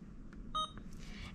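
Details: Single short electronic keypad beep from an Alaris IV infusion pump in a nurse training demonstration, pressed to confirm after the secondary and primary tubing clamps are opened; rate shown as 100 mL/h; a normal confirmation tone.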